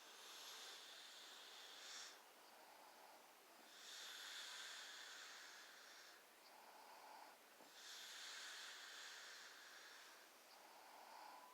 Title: she snore